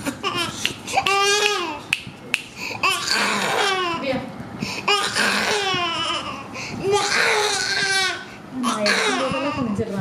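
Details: Baby waking from general anesthesia after surgery, after pediatric extubation: loud, sustained, distressed crying with brief breath pauses, background voices and music.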